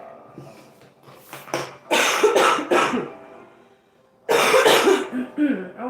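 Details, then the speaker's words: An adult woman at the end of a cold coughs in a run of loose, throaty bursts, a lingering cough. "Sorry guys. I'm overcoming a cold as you can hear."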